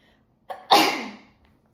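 A short intake of breath, then one sharp, hissing sneeze in a quiet room.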